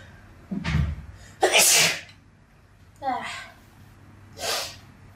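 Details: A series of about four sneezes in quick succession, one loud and forceful.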